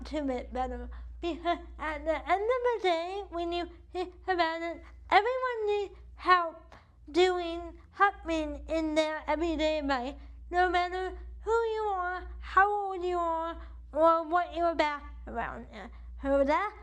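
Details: Adult woman with cerebral palsy affecting the right side of her body, with weak right arm, uses a wheelchair, and states CP affects her speech; dysarthria (cerebral palsy).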